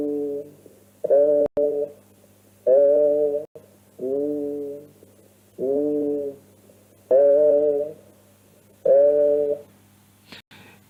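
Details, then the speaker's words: Voice auscultation over the zone of a pleural effusion that behaves like consolidation: the patient says a resonant word as sides alternate, with six sustained vowels, some nasal and bleating and 'ee' heard as 'ay', giving egophony ('goat voice'). "Es en esta zona donde podemos encontrar algunos fenómenos, como por ejemplo la egofonía o voz de cabra. Es un fenómeno de oscultación de la voz."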